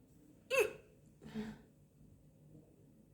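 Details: Woman hiccuping after lunch: two abrupt, sharp hiccups about a second apart in a quiet room.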